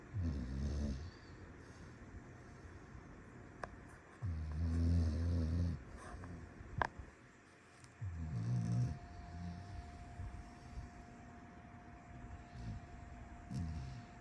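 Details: Astrid snoring at 7:30: slow, deep, rumbling snores, about four over fourteen seconds, with quiet room noise and a steady faint tone between; snoring.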